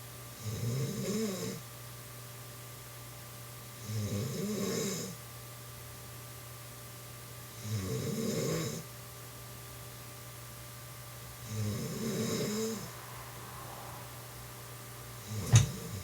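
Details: Woman who denies snoring, recorded while asleep: four low rattling snores on breathing in, about 15 breaths a minute, over steady room hum; ordinary snoring.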